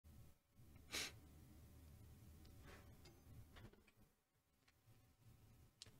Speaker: Praise be to Allah, I have sneezed.